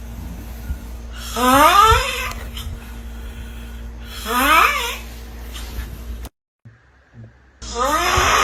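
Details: Loud, rising, groaning snores with a strained, almost moaning tone from a sleeping adult, over steady room hum; snoring.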